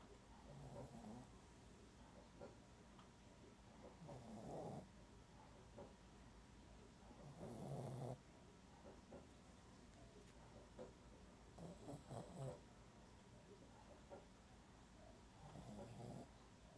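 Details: Dog sleeping in an awkward position, snoring: soft, rough snores at irregular intervals, about 18 a minute, over quiet room noise.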